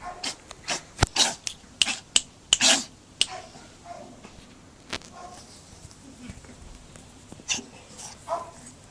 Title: Cute cat sneezes and the wipes his nose